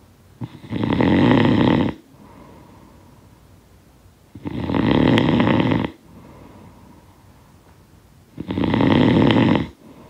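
Three loud, coarse snores on inhalation with faint exhalations between, roughly 18 a minute; rhythmic snoring.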